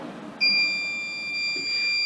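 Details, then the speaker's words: Tecotherm Neo neonatal cooling machine power-loss alarm, training demonstration: continuous high-pitched electronic tone starting abruptly and holding steady. "if you lose power with your machine you'll get a further alarm"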